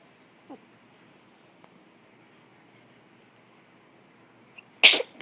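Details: One-month-old baby boy with hiccups gives a single sharp, explosive sneeze after a few seconds of quiet room noise; a hiccup sneeze.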